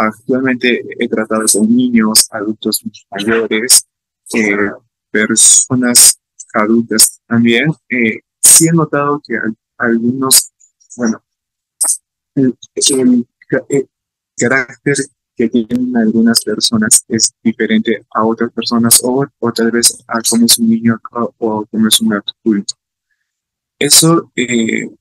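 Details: Adult male psychology student from Peru who stutters and is a stuttering-association activist, giving a real Spanish-language talk about his own experience at a stuttering festival; stuttering.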